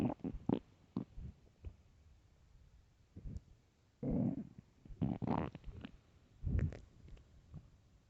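Irregular gurgling and growling bursts from the belly, ordinary hunger rumbles of an empty stomach, a normal finding.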